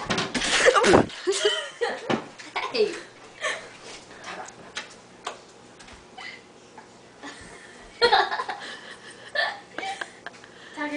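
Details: Hiccups in a dog: short, abrupt hiccup sounds repeating irregularly, with laughter and talk in the room.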